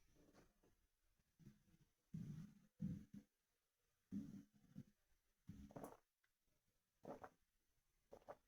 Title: Stomach rumbling and monster energy drink sloshing (headphones recommend)